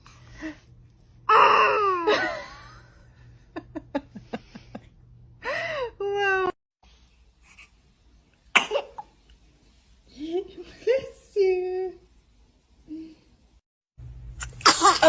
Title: Ranking baby sneezes👶😂🥺